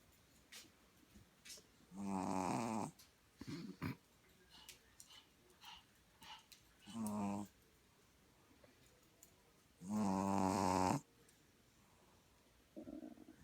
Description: This is my puppy that fell asleep and started snoring